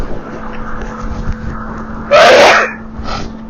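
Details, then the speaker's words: Sneeze during a sneezing spell while out on a hike, with hacking and wheezing also that day. "I'm on a bit of a sneezing spell this morning, this afternoon."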